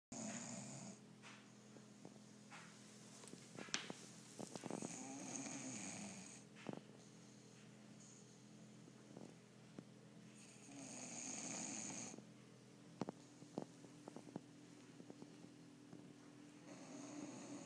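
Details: Sleeping female bulldog snoring: noisy snoring breaths with rattly inhalations and scattered clicks against quiet room noise.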